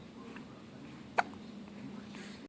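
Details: A single sharp, brief hiccup against quiet room noise from a little boy with the hiccups while his mother talks to him.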